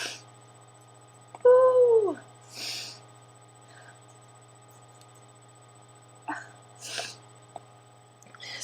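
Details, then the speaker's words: Person with allergies, eyes burning and itchy, unable to breathe well, keeps sneezing: several short breathy sneeze bursts, one after a rising vocal sound, over a steady background hum. "So I keep sneezing. It's ridiculous."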